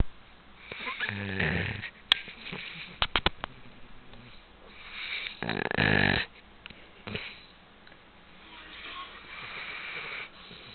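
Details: Jersey, a 2-year-old golden, asleep: loud, rattling snorts and breathy snores with quieter sniffs between, the snoring that keeps everyone up all night.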